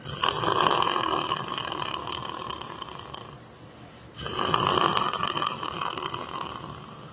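Loud, long rattling snores with a short quiet gap between breaths; heavy snoring in sleep.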